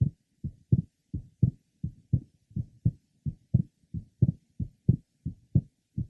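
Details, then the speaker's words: 21-year-old man, third left sternal border: regular heart sounds about 85 a minute; the second sound splits easily on inspiration and is closely split or single on expiration, normal physiological splitting. "a 21-year-old man who has normal splitting of his second hard sound the splitting is easily heard with inspiration and with expiration the second sound is closely split or single"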